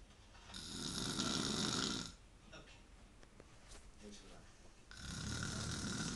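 Two long, loud rattling snores separated by a quieter pause with faint background sounds; ordinary snoring.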